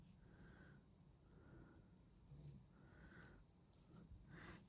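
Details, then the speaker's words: Pet dog snoring in the background while very relaxed, heard during a crochet tutorial. "e excuse I if you can hear my dog snoring in the background she's obviously very chilled out today"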